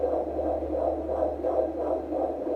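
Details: Fetal heartbeat on Doppler at 35 weeks of pregnancy, estimated fetal weight 2474 g, female fetus: fast, regular whooshing pulses over a low hum, a regular fetal heartbeat.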